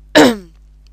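A single short, rough throat-clearing burst from an adult man, fading quickly into a quiet room: a throat clear.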